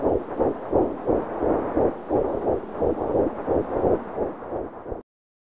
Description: Heartbeat of a baby at 11 weeks